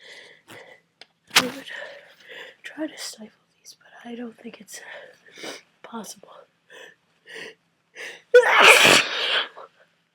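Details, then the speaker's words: Sneezing from a cold that the person says makes sneezes impossible to control and very messy: quiet breathy sounds and small catches build up, then one loud explosive sneeze near the end. "These are are easily some of some of the messiest sneezes I've I've ever had ever had."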